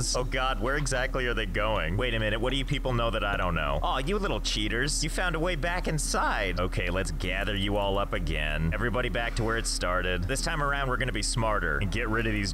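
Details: Adult male speaker; no disorder.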